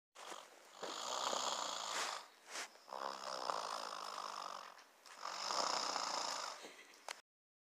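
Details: Snoring recorded close to the microphone: three long, harsh, rattling breaths with a snorting edge; snoring.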